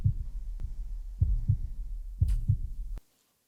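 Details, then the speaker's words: Normal heart sounds in a role-play ASMR exam of a young woman born 2002 with normal vital signs, BP 120/70: normal rhythm with only S1 and S2 and no S3 or S4. "So normal sounds of the heart, normal rhythm. I heard just S1 and S2, so no S3 and S4. So that's great."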